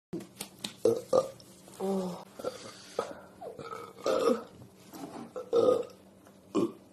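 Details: Repeated burping, some burps short and some drawn out, after eating ribs with a cup of milk and then drinking soda for stomach pain and fullness; burps come so close together that breathing is hard, followed by nausea.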